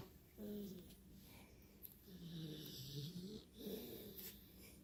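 Quiet, whistling, wavering breath sounds on each breath with a rough undertone and faint room noise; soft snoring.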